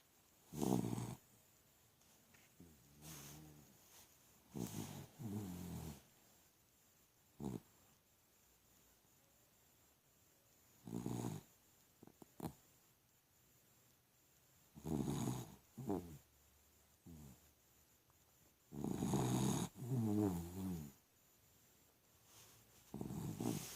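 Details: Dog asleep on his back with his head on the owner's inner elbow gives loud, rough snores in irregular bursts with quiet gaps between: snoring.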